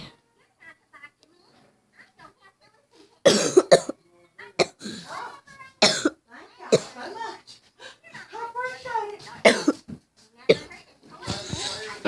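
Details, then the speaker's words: Child coughing at night and unable to sleep: quiet murmured speech, then several sharp coughs with throat clearing. "I mean, cough at night. I just can't go to sleep."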